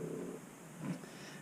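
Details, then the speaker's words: A man, exhausted after days of attention at a boat show, snoring in his sleep; he has slept almost non-stop since getting back. "as you can hear is snoring"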